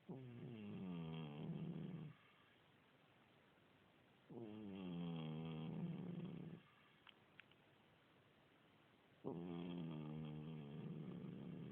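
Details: Cat about 16 years old with a continuous cold, snoring: three long, loud rattling snores with quiet pauses, about five to six breaths a minute, in a quiet room.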